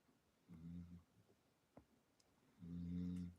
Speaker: She doesn't want to be on camera today, but you can hear my dog snoring in the background.